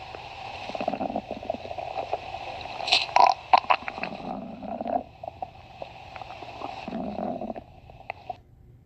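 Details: Stomach growling (borborygmi) from two people's stomachs: irregular gurgling, rumbling and squeaky bowel sounds.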